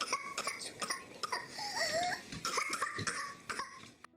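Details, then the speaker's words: Paroxysmal stage of whooping cough (pertussis), after cold-like onset: a rapid run of severe, forceful coughs emptying the lungs, broken by a high, drawn-in whooping breath. "اللي هو عبارة عن نوبات سعال شديدة جدا بحيث ما يبقى حتى هواء بالرئة، وبالتالي راح ينطيني الووبينج ساوند، يعني فشي يشبه هذا الصوت."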